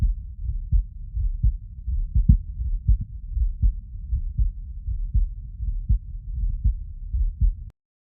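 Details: Normal heart sounds.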